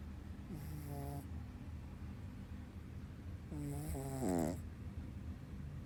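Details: Small dog snoring: two rattling snores with whistling, wavering tones during the breaths, over a low steady hum.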